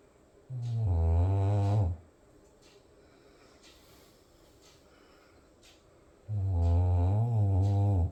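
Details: Sleeping dog that snores loudly every night: two long, loud, low rumbling snores with a rough fluttering buzz, separated by a quiet pause; snoring.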